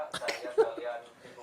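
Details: A child with a cough after eating ice cream at night in the rain, giving a short, quiet burst of two or three small coughs with faint voicing after.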